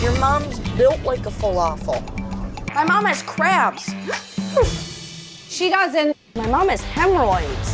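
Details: 21-year-old woman with an extreme case of Tourette syndrome causing involuntary motor and vocal tics; vocal tics with coprolalia, from a TV show trailer.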